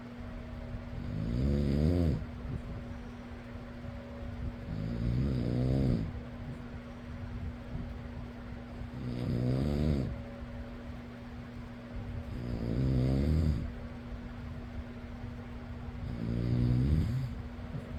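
Fluttering, vibrating snores with each inward breath, about 16 a minute, over a steady fan hum.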